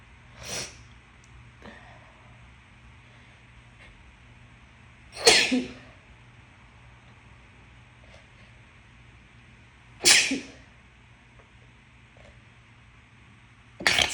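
Three sharp sneezes with quiet room pauses between, and a fourth starting at the end; ordinary sneezing.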